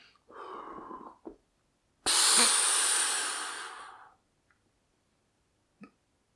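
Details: Pulmonologist demonstrating correct Symbicort Turbuhaler dry powder inhaler technique after twisting to load a dose: a breath out, then a strong, fast, rushing inhalation of about two seconds, then a quiet breath hold.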